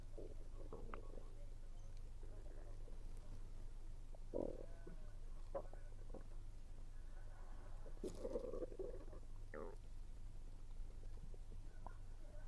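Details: Stomach rumbling while eating, which the person links to low atmospheric pressure: soft gurgling rumbles over a steady low hum with a few faint chewing noises; ordinary bowel sounds (borborygmi).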